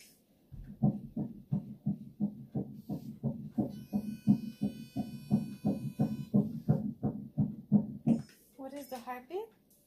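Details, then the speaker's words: Normal fetal heartbeat on ultrasound at an OB office visit at about 7 to 9 weeks of pregnancy: rapid regular whooshing at 174 beats a minute, stated to be normal. "174, that's normal."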